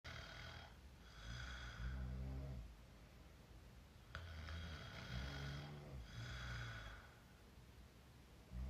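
An adult snores with the mouth open, rough low rattles on each breath, about every four seconds, roughly 14 breaths a minute.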